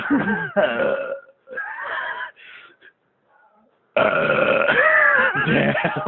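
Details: Loud, drawn-out voiced belches, several short ones, then a long rumbling burp after a brief pause.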